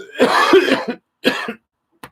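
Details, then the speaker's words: Adult with influenza A: a harsh, wet coughing fit, then a shorter cough and a final brief one. "Now that's the way to start a live stream. Expelling a lung."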